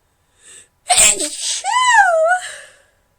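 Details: A short intake breath, then one loud, explosive, high-pitched induced sneeze ending in a falling voiced tail.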